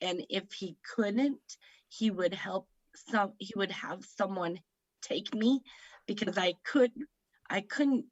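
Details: Woman aged 38 at a stroke in September 2018, speaking about 3 years later; the stroke affected her right side and left her with aphasia; aphasia.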